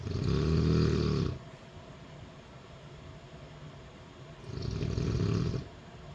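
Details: Mother snoring during sleep: two deep, rumbling snores about four seconds apart, roughly 15 breaths a minute, quiet exhalation between.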